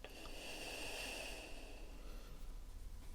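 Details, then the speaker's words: Slow deep breath in and out with soft airy hiss and rustle as a stethoscope listens to the chest, in a simulated ASMR doctor check-up role-play of a woman with no recent cough, cold or flu; deep breathing. "Okay, we just take a nice deep breath in and out."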